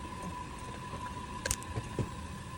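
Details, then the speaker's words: Kangaroo enteral tube-feeding pump on auto prime, filling the feed bag tubing before connection to the patient: a steady motor whine with low room rumble and a few soft clicks. "And then you're going to hit the auto prime button. You're going to stand by a trash can, preferably. And wait for that to prime."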